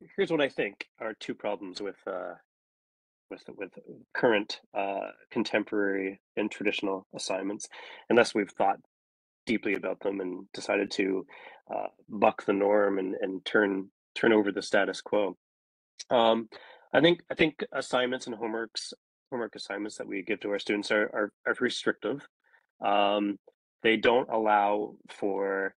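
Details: Adult male speaker; normal speech.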